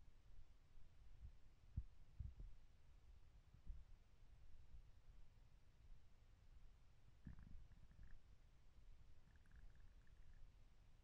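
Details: Stomach growling recorded from the belly: low rumbling and gurgling with a few pops and squeaks, ordinary borborygmi.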